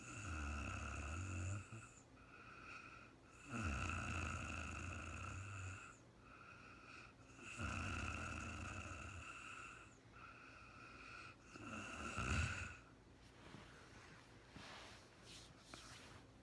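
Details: Real-time recording of a sleeping woman, no talking: repeated low rattling snores about 15 a minute, with a steady background whine in the room; snoring during sleep.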